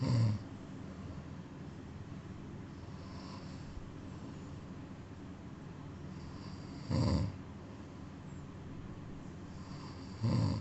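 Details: Sleeping cat snoring: soft, low rumbling snore bursts every few seconds over quiet room hiss.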